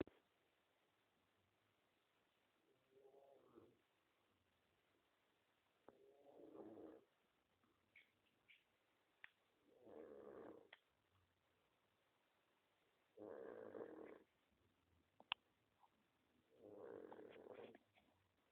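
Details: Dog snoring: soft, rough snores recurring in a slow rhythm, about five in eighteen seconds, with quiet pauses between them.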